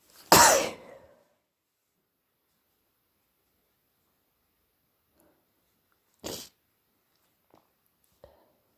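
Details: Induced sneezing at 3am to ease pressure from a badly blocked nose causing headache: one loud, explosive sneeze, then a smaller second sneeze and faint sniffs in a quiet room.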